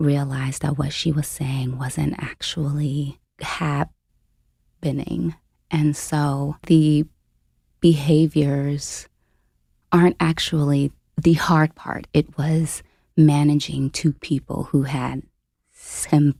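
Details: Adult woman, a full-time family caregiver since age 29, with a self-reported stutter; real, unscripted speech; stuttering.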